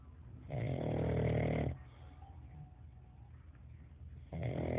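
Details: Pug dog snoring very loudly: low rumbling snores, two long vibrating breaths with a quiet pause between, during sleep.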